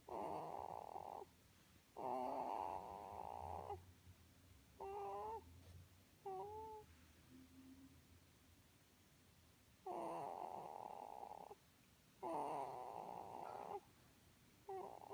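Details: Person sleeping beside their grandmother in a small room: loud, rasping snores on each in-breath, with quiet gaps between and a few soft voiced sounds; snoring.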